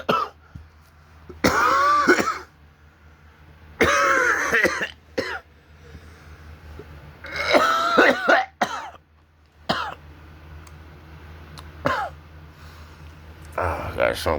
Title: backrooms 2 cough cough